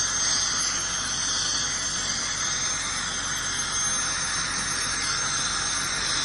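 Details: Ultrasonic dental scaler during a dental cleaning (airflow dental hygiene session): steady high-pitched squealing hiss with water spray noise.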